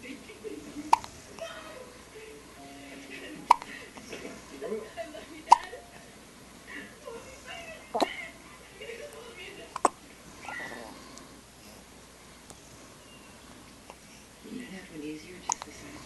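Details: Girl about 2 weeks old who got hiccups after nearly every feeding: sharp, brief hiccups recurring every two to three seconds, with soft talk and room noise in the background.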